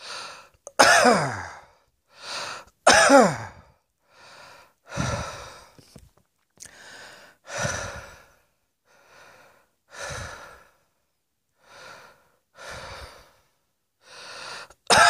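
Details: An adult gives a run of about a dozen separate coughs in fifteen seconds, some loud and some soft; cough.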